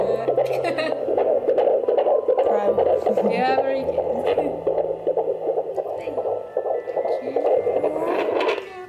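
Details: Fetal heartbeat picked up clearly on handheld Doppler by a student midwife at an early stage of pregnancy, with the baby moving around.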